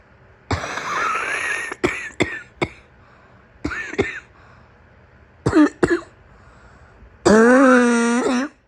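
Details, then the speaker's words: Acted, simulated morning coughing fit of a sick woman losing her voice: a voiced, throaty cough burst, several short sharp barking coughs, then a long strained groaning breath out; loud cough. "Sure, you can use my chest as a pillow, but I warn you, my cough is very loud and my chest likes to shake when I start barking."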